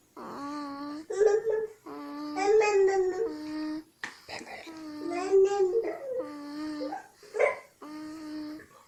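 Repeated drawn-out, tonal, whining wails in short bursts with brief pauses in a quiet room: a fussy infant cry.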